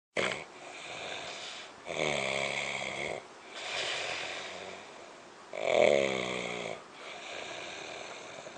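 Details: Patient with snoring and sleep apnoea, not breathing for several seconds: loud, rattling snores alternating with softer, noisy breaths over a hissing background.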